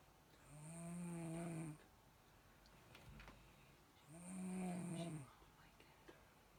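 Two soft, steady, humming snores on the in-breaths, separated by quiet out-breaths. Gentle snoring during sleep.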